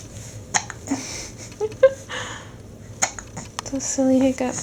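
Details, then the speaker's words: Infant hiccups in a baby boy nearly seven weeks old: several short, abrupt catches with soft vocal sounds and adult murmuring nearby; loud, relentless but harmless hiccups. "oh they're so loud yeah they're really loud aren they they annoying you are they annoying are they annoying go away hickups"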